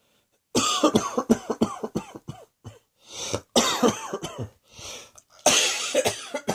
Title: Cross Dressing Coughing 119.